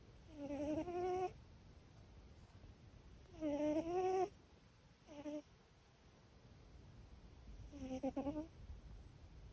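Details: A cat snoring, checked by a vet and found fine, snoring described as part of her normal personality; snoring.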